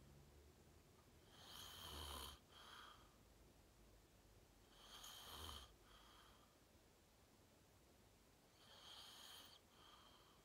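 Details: Self-recorded adult sleeping, fell asleep fast around 8:45, self-described deep REM sleep (sleep apnea only hashtagged): loud rattling snores on each in-breath, three in ten seconds, quiet breathing between; loud snoring.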